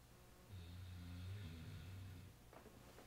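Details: One soft, low, buzzing snore on the in-breath over faint room noise, from a male sleeper before he wakes out of his snoring position; snoring.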